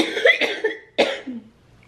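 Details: Woman in her early 30s with cystic fibrosis, whose lungs are affected by Covid after a rough night. Two harsh, voiced, throaty cough bursts are followed by a short fading vocal sound.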